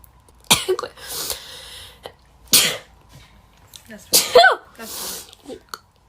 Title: Sneezing girls..Covid-19 nasal swab test #sneezing #재채기 #くしゃみ compilation of Coronavirus testing